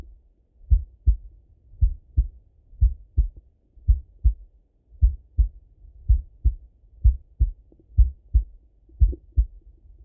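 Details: Male heart auscultation through a stethoscope, recorded either sitting at a desk or lying in bed: clear regular lub-dub at about 60 beats a minute with quiet gaps between beats; normal heart sounds.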